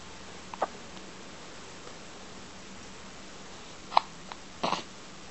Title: Hiccups!